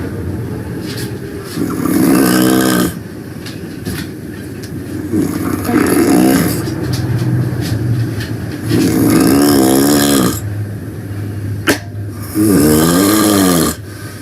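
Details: Loud snoring while taking a nap: rattling snores on each in-breath, about four in fourteen seconds, with quieter breathing between; heavy snoring during sleep.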